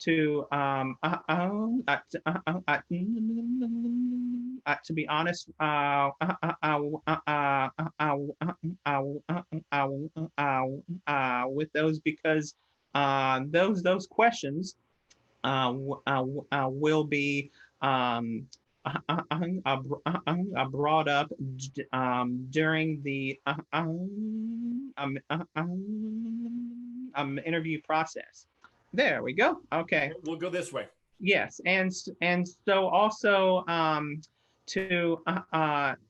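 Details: Adult who stutters presenting a webinar on career barriers for people who stutter, with frequent filler interjections and repeated words; stuttering.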